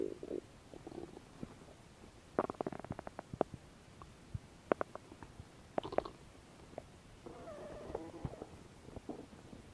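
Quiet bubbling clicks and short gurgling runs with a faint rumble; ordinary stomach growling.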